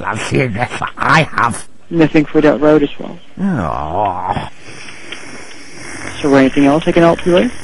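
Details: Adult speaker over telephone; normal speech.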